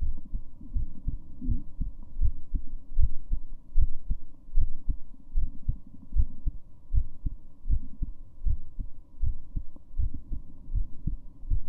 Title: Female heartbeat